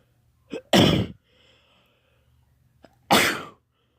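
Two forceful sneezes, each preceded by a quick catching inhale, a few seconds apart: repeated sneezing.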